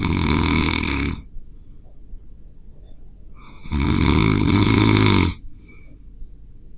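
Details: Two loud, rough, rattling snores, each over a second long, with quiet breathing between, from a sleeping dog keeping another dog awake; heavy dog snoring.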